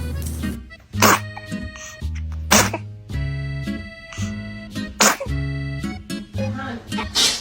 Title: Kids sneezing 😂😂#baby #babiesoftiktok #cutebaby #babylover #babyfever #fyp #fypシ゚viral #usa